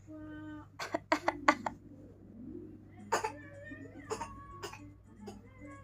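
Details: A young child practises an imitation of an old person's cough, praised by the mother; cough.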